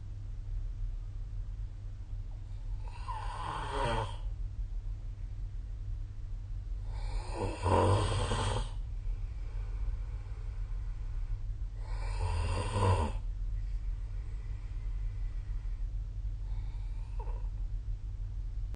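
Three loud, rough snores about five seconds apart, roughly 12 breaths a minute, with a steady low hum in the background; ordinary sleep snoring.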